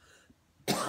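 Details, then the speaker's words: Adult coughs after taking a dab that was too hot: one sudden harsh cough burst after a quiet moment. "I don't like hot dabs they make me cough"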